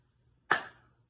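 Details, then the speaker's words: Abdominal assessment using finger-on-finger percussion across all four quadrants. A single sharp tap gives a brief hollow, ringing decay: tympany, present in all four quadrants. "now I'm going to do percussion of all four quadrants to listen for timpani"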